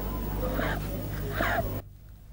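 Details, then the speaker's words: Child or infant assessed for acute respiratory infection, calm, examiner's ear held near the mouth: soft musical whistling on breathing out, with much more effort and a longer-than-normal expiration; expiratory wheeze. "Wheeze has one more indication. A child or an infant with wheeze expends much more effort and takes much longer than normal to breathe out."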